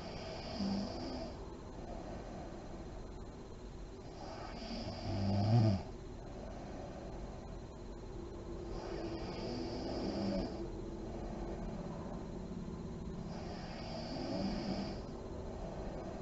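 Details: Snoring from a sleeping adult woman in deep REM sleep: steady low snores with slow, deep breaths and soft puffing of the lips, about 13 breaths a minute.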